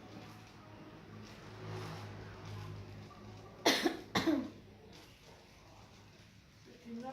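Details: 6.5-year-old child with fever (38.2), long-standing cough and runny nose during a doctor's examination; two short harsh coughs in quick succession in a quiet room with faint talk.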